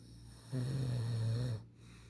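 A single low, rattling snore on an in-breath, about a second long, over steady room hum.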